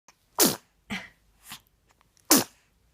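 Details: A 7-week-old baby boy sneezing in a run: two sharp, loud sneezes with smaller snorting bursts between them; hiccups are also mentioned.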